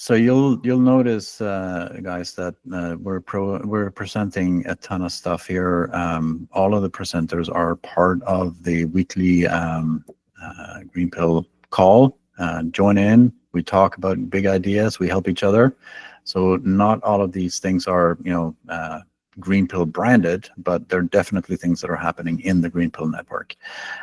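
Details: Adult male speaker; ordinary speech.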